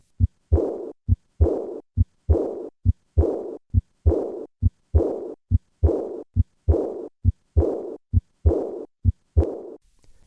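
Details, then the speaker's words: Aortic regurgitation: soft, high-pitched, blowing decrescendo diastolic murmur after the second sound along the left sternal border, regular rate near 67 a minute. The breath-like pitch is easily overlooked and is heard more easily in held expiration than during breathing. "this murmur has a pitch similar to respiratory sounds and can be overlooked unless the clinician listens to the patient in held expiration"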